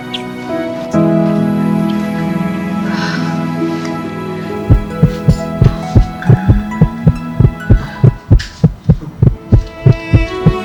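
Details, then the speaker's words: Fetal heartbeat at about 8 weeks of pregnancy on ultrasound Doppler in a TV drama scene: rapid, regular whooshing thumps at about 170–180 a minute with music underneath, described as strong and clear. "Detak jantungnya kuat dan jelas. Tandanya bayinya sehat."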